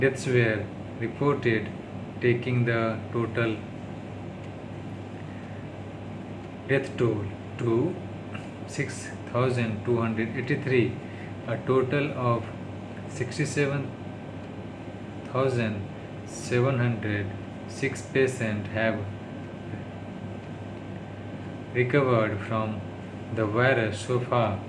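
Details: Adult man with stammering doing daily speech-therapy practice (day 36) reading news in English; his worst stuttering yet, attributed to tiredness, stress and low mood; stuttering.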